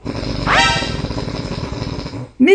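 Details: Severe snoring from a patient with a very narrowed throat, a case the speaker estimates may score over 200: loud, harsh, rattling snore with a rising whistling edge.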